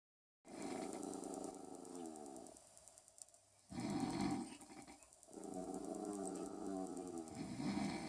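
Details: Adult man's loud, rough, low rumbling snores during sleep, with a pet dog growling at the snoring; snoring.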